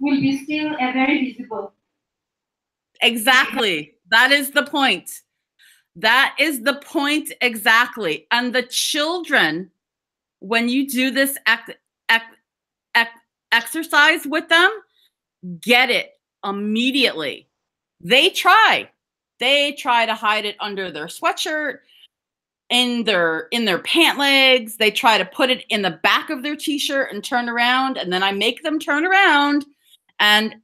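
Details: Adult woman who stutters (stammers), speaking English with audible part-word repetitions; stuttering.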